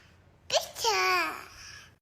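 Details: A baby's single small, high-pitched "chicken" sneeze: a quick burst followed by a squeaky voiced tail, then "bless you."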